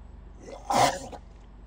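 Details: Crocodile in Florida's Everglades National Park making a single short, explosive, cough-like burst at a photographer, over faint outdoor background noise.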